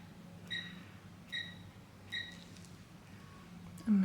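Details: Three short steady electronic beeps over low room hum from an electrocautery/diathermy unit treating broken capillaries (thread veins) at the corner of an adult nurse's nose; patient calls it manageable, not painful.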